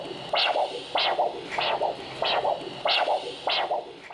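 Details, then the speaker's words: Handheld Doppler probe at about 60 degrees over the right brachial artery in a rested, supine patient before ankle-brachial index: one loud whoosh and two softer follow-on sounds each beat, about 100 a minute; a triphasic signal of a healthy elastic artery. "For every heartbeat, there is one large whoosh sound, followed by 2 smaller sounds at the end of each heartbeat. This indicates a healthy elastic artery."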